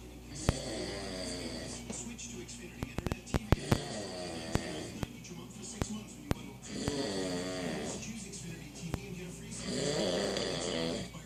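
Repeated vibrating snores with scattered clicks and a television or talk in the background; snoring.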